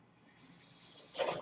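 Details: The speaker's own mechanical ventilator, audible in the background while he talks; mechanical ventilator breath cycle.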